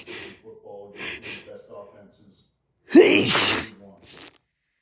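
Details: Catching, voiced breaths build to one loud, explosive sneeze with a brief breathy after-sound, from someone with a cold.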